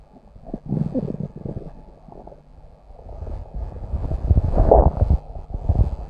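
Low, bubbling rumbles and gurgles rising and falling over several seconds: ordinary stomach growling from gas and fluid moving through the gut.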